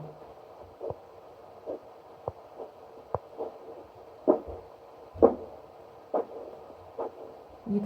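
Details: Rhythmic whooshing pulse bursts at about 64 a minute, a normal arterial Doppler signal at the ankle (dorsalis pedis/posterior tibial) while measuring ankle-brachial index with cuff deflation.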